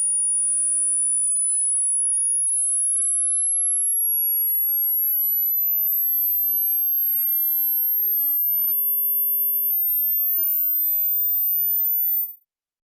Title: Virtual hearing test